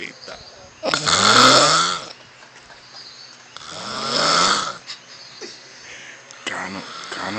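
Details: Man snoring in bed with his mouth open: loud rasping snores about every three seconds, rough and vibrating, with quieter breaths between.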